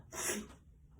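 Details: Puppeteer's single short, sharp sneeze with a hissing burst of air, in a small quiet room, during an allergy attack while performing with a puppet.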